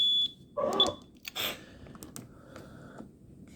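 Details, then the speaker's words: High-pitched electronic alarm tone with clicks and handling noise from a Zoll EMV Plus ventilator, after switching from volume to pressure control mode, during a settings training demo; alarm parameter then changed. "I'm going to change an alarm parameter here so it doesn't get mad at us."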